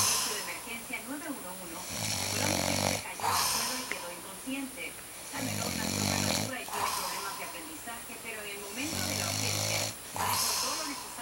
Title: dad snoring